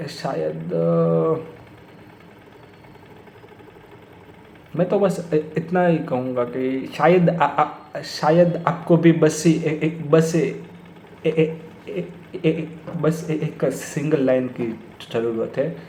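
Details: Stuttering in an adult man who has stammered for many years; he says it worsens when talking to his father and that he blocks on the 's' sound.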